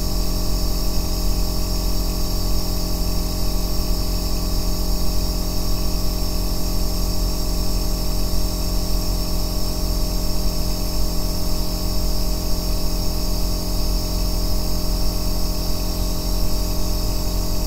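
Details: Aerosol nebulizer running continuously, recorded as an ASMR white-noise track for sleep and relaxation: a steady, deep droning hum with a constant mechanical buzz and no breaks.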